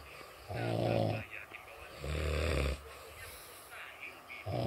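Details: Loud, low, rattling snores on two breaths in, with quieter breathing between them; typical snoring.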